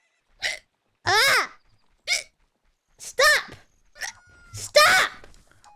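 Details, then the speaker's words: A VTuber streamer, mid-game, has a run of hiccups: repeated short, sharp voiced gulps about every second, some with a brief squeaky cry. "Sorry, I just hiccuped. Flippy drowned? Good. Oh no, I got the hiccup. Oh no."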